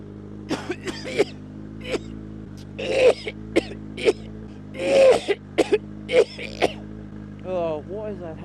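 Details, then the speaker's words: Adult coughing uncontrollably, a run of repeated short, dry coughs and throat-clearing bursts over engine hum, right after putting on a helmet; it happens only the first time each day, in the mornings: cough. "and as you can see whenever I put my helmet on and his cough uncontrollably but it only happens for the the first time that I put it on for the day"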